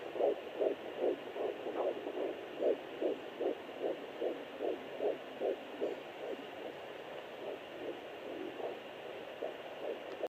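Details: Fetal heartbeat at 13 weeks 6 days on a home pocket fetal Doppler. Rapid, regular whooshing beats counted by hand at about 154 a minute, which is normal; the Doppler's own reading was inaccurate.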